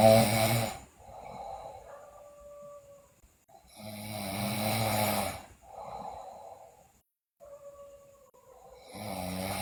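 Loud, rough snoring breaths roughly every four seconds, with quieter airflow between them; heavy snoring during sleep.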